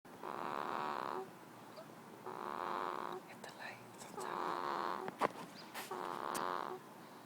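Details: 2-week-old baby boy snoring while asleep: four slow, rhythmic rattling snores with quiet pauses between, about 33 breaths a minute.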